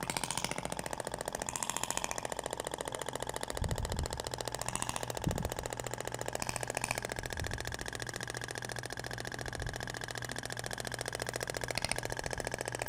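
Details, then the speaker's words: IBRAMED Thork radial shockwave device (max 200 mJ) firing during live abdominal aesthetic treatment near the umbilicus, with a different applicator tip that sounds different: rapid steady mechanical tapping of continuous pulses, faint room noise. "agora vai para o sentido até o barulho é diferente da ponteira de cordas"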